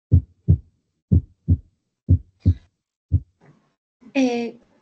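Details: Low, dull heart sounds at about 60 a minute with extra thuds clustered around the main beats, a galloping rhythm of third and fourth heart sounds; a brief voice at the end.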